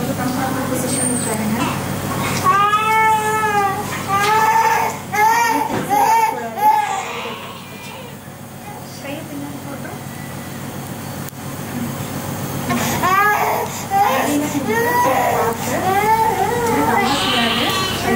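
Bursts of high, wailing infant crying with pauses and short whimpers, from a baby waking from general anaesthesia; adult voices faintly behind.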